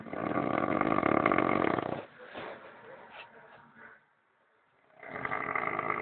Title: pobrecito roncando